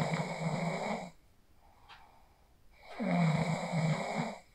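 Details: Real sleep snoring recorded on a phone after practicing the 4-7-8 breathing technique: two low, fluttering snores separated by a quiet gap in a quiet room; snoring.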